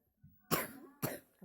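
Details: Young child learning to spell words: two short, sharp coughs in a quiet room.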